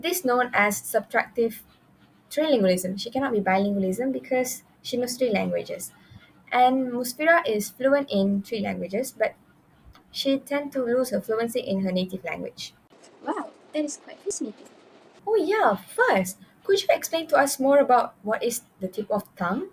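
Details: Adult women in conversation; normal speech.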